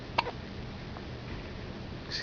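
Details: Newborn girl in hospital having hiccups for the first time: one short, sharp hiccup, then a fainter second catch; hiccups.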